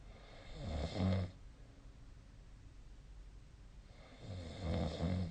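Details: Snoring during sleep, from a nightly snoring recording made with a snore-tracking app: two loud, low, rattling snores on inhaled breaths separated by a pause of about three seconds.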